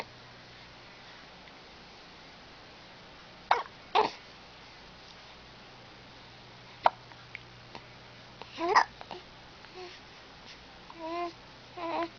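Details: Infant girl with hiccups while smiling and softly vocalizing: a few short, abrupt gulping sounds in a quiet room; hiccups.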